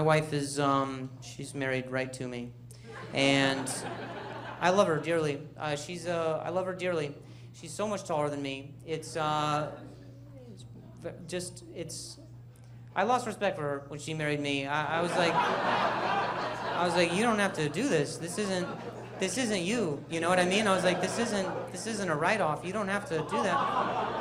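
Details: Male stand-up comedian who stutters, speaking live on stage; he says people talking close to him while he talks make him stutter, and he mentions a softball injury; stuttering.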